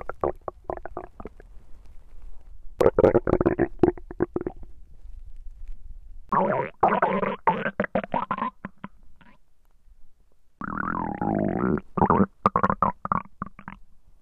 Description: I wanted to record hungry sounds but Instead I could good digestion sounds🙌